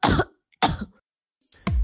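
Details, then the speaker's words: Research recording from an MIT study training AI to detect COVID-19 by cough sound: three short, harsh cough bursts from an adult with symptomatic COVID-19, the last rougher and throat-clearing. "jetzt wollen sie bestimmt hören wie ein corona kranker mit symptomen klingt auch das haben die forscher aufgezeichnet"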